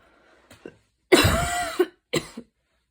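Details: Evening asthma cough after walking and running outside in rain, breathing intense, inhaler used: three harsh coughs, the middle one long and strained with a wheezy tone, in a quiet room.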